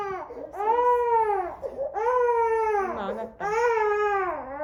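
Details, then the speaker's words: 5-month-old infant hospitalized with confirmed COVID-19, with fever, cough, phlegm, difficulty breathing and a sleepless night, gives loud, drawn-out wailing cries with short breaths between, in a small room; infant crying while ill. "왜 울어? 너는 엄마 여기 아팠어. 여기 손이랑 아팠어."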